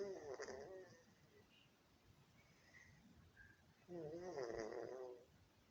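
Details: Cat snoring: two soft, buzzing snores a few seconds apart, with quiet room noise between them.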